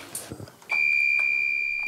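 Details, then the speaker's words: LVAD heart pump of a 42-year-old man awaiting heart transplant, keeping him alive for over a year since a heart attack: after faint room sounds, a loud steady high-pitched alarm signalling flow too low. "c'est quoi c'est la pompe qui sonne quand il y a le débit qui est trop faible relié à son cœur cette machine le maintient en vie depuis plus d'un an"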